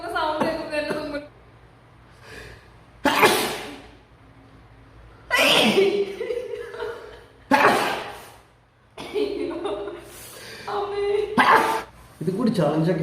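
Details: Sneezing during a sneezing challenge: several loud, abrupt sneeze bursts between short voiced sounds and quiet gaps, with faint background music.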